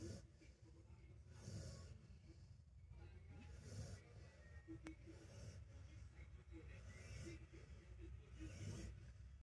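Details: Sleeping dog at home, relaxed, gives soft, rhythmic low snorting breaths with a hissy edge about every two seconds over faint background hum; ordinary snoring.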